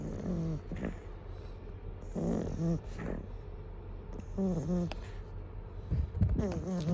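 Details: Pug snoring.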